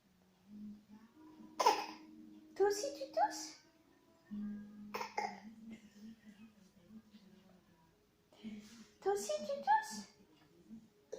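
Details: Adult coughs, then an infant answers with short cough-like sounds and babbling, a baby imitating the mother's cough; faint background music.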